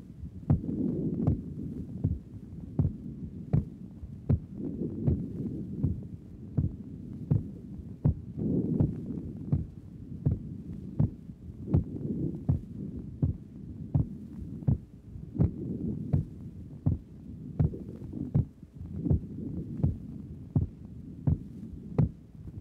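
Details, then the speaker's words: Normal heart sounds recorded with a stethoscope at the pulmonic area, regular at about 80 a minute; normal second sound, as pulmonary pressure is not elevated and the patient has no valve lesion. "is taken from the pulmonic area. Here the second sound is normal because the blood pressure in the lungs is not elevated because this patient does not have a valve lesion."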